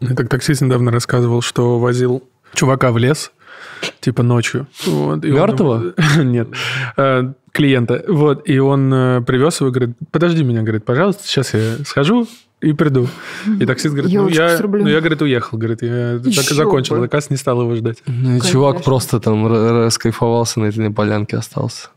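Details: Adult man speaking; Normal speech.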